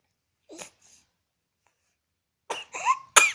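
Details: A baby gives a small cough, then after a pause two or three more short coughs with a voiced, crying edge.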